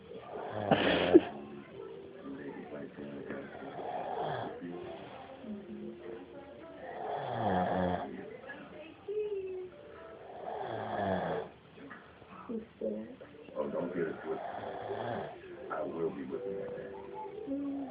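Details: Sleeping snorer: regular rattling snores about every four seconds, roughly 15 breaths a minute, with faint background voices and music; snoring.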